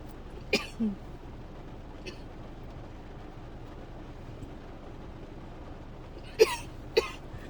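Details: Dry coughing fit in someone who woke up coughing and has barely stopped, thinks they are getting sick: about five scattered short, sharp, dry coughs over steady background hiss.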